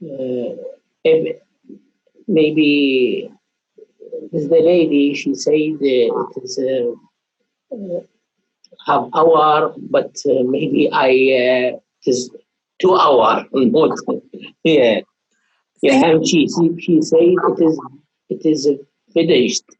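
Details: Adult with aphasia, a trial participant in a game-based digital therapy to rebuild number skills; aphasia.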